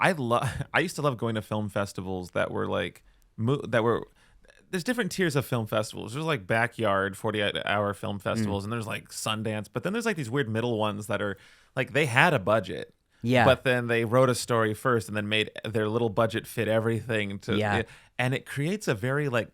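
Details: Adult man; typical speech.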